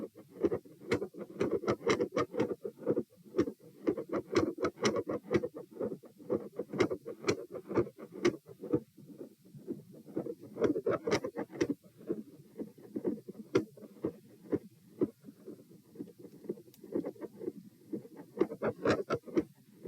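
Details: Heart sounds recorded at position P, about 120 beats a minute, with very quiet periods and S1 and S2 swinging from loud to nearly silent, abnormal rhythm; tachycardia with variable S1 and S2 intensity.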